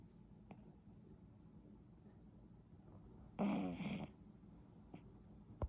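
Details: Sleeping chihuahua snoring: a single short, rough, snorting breath sound over low room hum.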